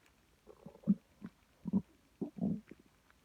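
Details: Several low, irregular, bubbling gurgling growls in a quiet room from a female's stomach at 4am, loud enough to wake her; borborygmi.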